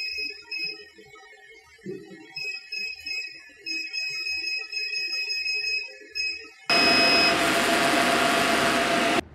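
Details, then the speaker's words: Fractional CO2 laser test-firing at 20, 40 and 60 watts: quiet clicking and a high steady tone, then a loud steady hiss-like roar as the laser fires at full power. "first let's test the county warts touch the pendle and now let's test the 40 watts and then let's see how it works finally let's test the six to ones watts"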